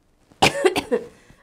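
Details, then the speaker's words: Cough from a person with cystic fibrosis, diagnosed at age two, with frequent childhood pneumonia, asthma and heartburn, who describes daily coughing and breathing difficulty. A single harsh, somewhat wet cough of two or three bursts. "The main symptoms that I guess are hard or uncomfortable to experience during the day is just the coughing, the having a hard time breathing."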